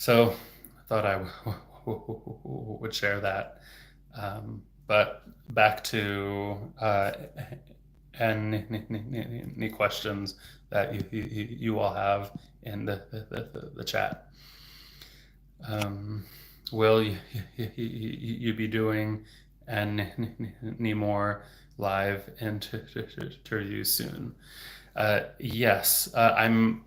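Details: Adult man who stutters, a speech-language pathologist, who reports getting stuck on words; stuttering.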